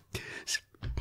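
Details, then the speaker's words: A sound-asleep dog snoring loudly in a quiet room: short, rough, noisy bursts of breath with low rumbling. "i'm laughing because i don't know if you can hear my dog is sound asleep and snoring so loud it's like wow i hope that that isn't the audience"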